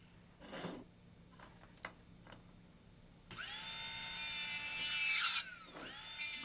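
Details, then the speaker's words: A few light taps, then a shrill rotary motor whine that grinds steadily and dips briefly under load. It is trimming a chairside Trim Plus PMMA temporary crown while keeping the interproximal contact: dental trimmer cutting. "you could see how nicely it cuts I don't want to lose the in proximal contact because I want to keep it stable so the teeth do not shift at all"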